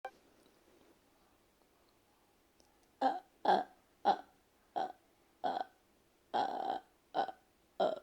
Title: help me with my burps.